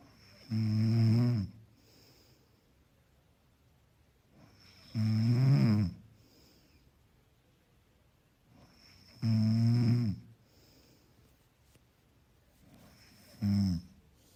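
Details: Soft snoring background track: four soft, low, rumbling snores, roughly 16 a minute, evenly spaced with quiet pauses; gentle snoring.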